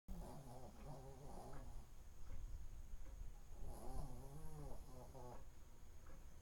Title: Snoring and dreaming hyunie